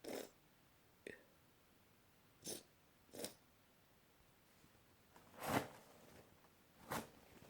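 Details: Late-night run of sneezes while trying to sleep: six brief, sharp bursts spaced irregularly in a quiet room; sneezing.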